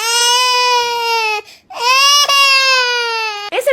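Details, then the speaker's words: A loud, sustained infant cry in two long wails with a brief breath between, presented as one of the most irritating sounds. "eu já acho um pouco pior, porque além de o som ser ruim, dá dó da criança."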